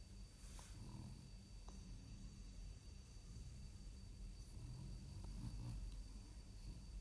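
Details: French bulldog in deep sleep in his bed, breathing deeply with snores; snoring.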